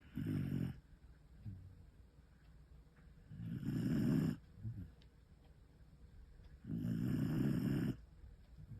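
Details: Loud, low rumbling snores from an 11-month-old female rescued feral puppy, three over about nine seconds, roughly 20 breaths a minute, with quiet breathing between; snoring.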